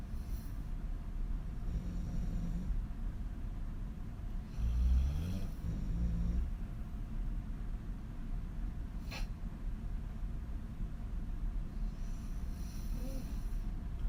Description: Extreme female snoring on her back with wide open mouth